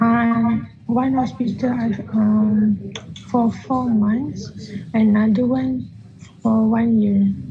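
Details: 15-year-old male whose voice stays high-pitched, feminine or childish after puberty, recorded before voice therapy; puberphonia.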